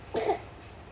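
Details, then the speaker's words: Infant on day 2 of a cough, woken from sleep by coughing, no fever, still eating, positioned on a high pillow; one brief loose, wet, phlegmy cough. The phlegm sometimes comes up and is swallowed again because the baby cannot spit; productive cough. "Nah itu loh, dia kadang ini sudah keluar itu dahaknya. Cuma kadang kalau bayi belum bisa memberikan insting untuk meludah, jadinya ditelan lagi."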